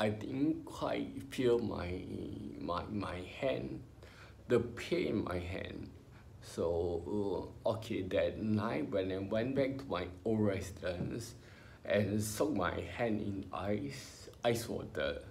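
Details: Ataxic dysarthria in an adult male with spinocerebellar ataxia, diagnosed by a neurologist about 20 years earlier when he was in his twenties; he has had speech therapy.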